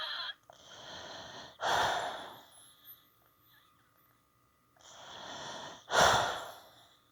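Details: Wheezing with influenza A: two slow, noisy breaths with a faint whistling tone.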